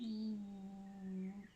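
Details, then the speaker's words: Rescue bulldog snoring in the background while asleep, steady low humming, tonal rumbling snore. "I apologize if you can hear Maggie my dog my rescue bulldog snoring um in the background"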